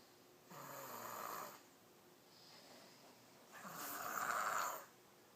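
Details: Snoring after being tired from shopping: two loud, rattling snores on the in-breath with a quiet out-breath between, in a small quiet room.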